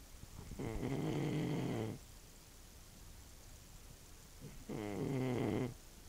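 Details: Old man snoring: two long, rattling, vibrating breath sounds separated by quiet pauses.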